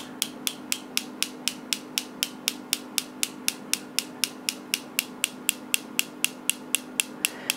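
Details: Focused shockwave therapy device scanning a woman's shoulder from the back side for tender spots, as done for frozen shoulder, though she does not have it: sharp, evenly spaced clicking pulses, about four a second.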